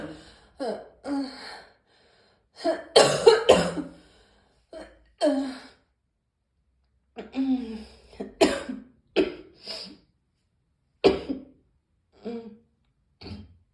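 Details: Morning cough: repeated short, harsh cough bursts in clusters with pauses between, mixed with throat clearing.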